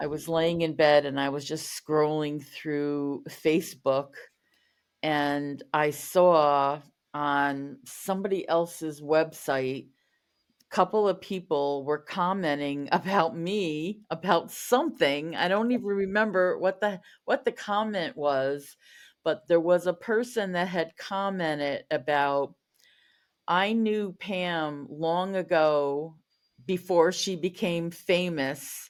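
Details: Adult woman who stutters; stuttering.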